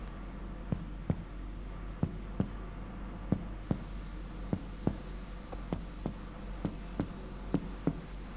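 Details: Lung percussion moving down the right chest: about fifteen sharp finger taps, mostly paired; the note shifts from resonant to dull from about the third intercostal space downward, marking the lung-liver border, on physical examination.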